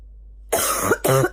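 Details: Female morning barking cough: two harsh, loud cough bursts with a rough, barking quality.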